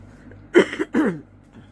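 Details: Two quick, partly voiced cough bursts from an adult woman, close together, in a quiet room, heard as throat clearing while she draws a rangoli design: cough.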